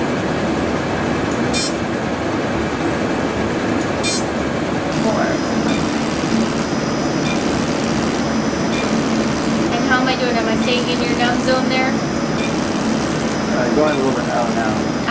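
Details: Steady blower hum with brief sharp clicks and repeating high tones, faint voices: Deep Fx fractional CO2 laser in use during a 28-year-old male's first fractional laser treatment.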